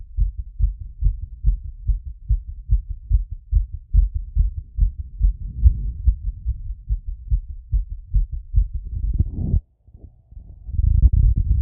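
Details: Stethoscope auscultation of the heart after a workout plus squats: fast, regular heartbeat about 140 beats a minute, a normal raised heart rate after exercise.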